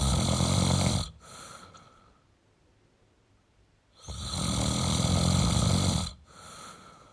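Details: Snoring in a sleeping male: two loud, harsh snores on inhaling, each about two seconds long, with softer breaths out between them; heavy snoring.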